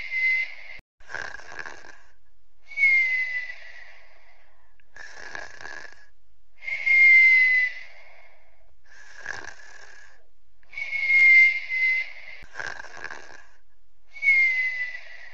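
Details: Boyfriend sleeping while sick: slow sleep breathing at about 14 breaths a minute, with a high whistling tone on the breaths and a snore-like rasp suggesting congested airways; noisy sleep breathing with whistling.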